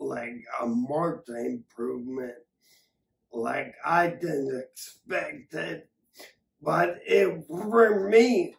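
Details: Adult man with acquired ataxia from several strokes affecting the cerebellum, ataxia present for over three years; ataxic dysarthria.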